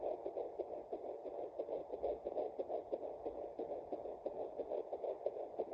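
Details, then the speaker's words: First-trimester pregnancy, at-home handheld Doppler after first ultrasound; rapid, regular whooshing pulses at about 180 a minute, fetal heartbeat. "So, I tried it yesterday and we found baby's heartbeat, which is so so cool."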